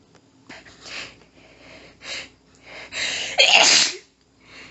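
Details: Female with a tickly nose all day and earlier sneezes in doubles or sets of four, no known trigger: a rapid run of very strong, hissing, partly stifled sneezes that she could not control, ending in a strong final one; sneezing fit.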